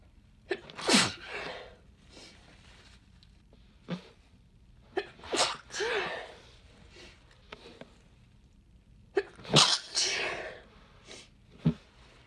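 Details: A run of several sharp sneezes, each preceded by a short catch of breath, clustered in quick bursts: repeated sneezing.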